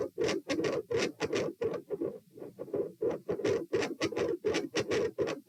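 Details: Loud, harsh mid-systolic murmur filling each beat, recorded supine at position P, 90 bpm, getting louder and phasic, swelling and fading with breathing.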